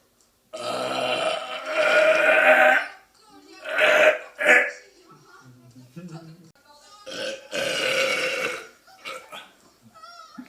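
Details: Several loud, drawn-out voiced belches in a row with short pauses, recorded on a phone from a man; ordinary burping.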